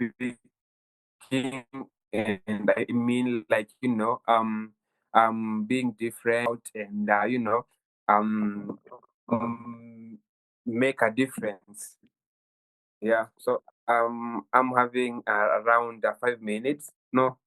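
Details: Stuttering in a 23-year-old Kenyan man who has stammered since childhood, reportedly worsening at university.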